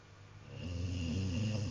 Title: snoring